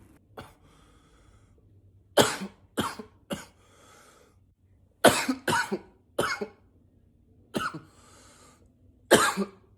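Nine separate single or paired cough bursts in quiet, some deliberately lower-pitched. Plain cough.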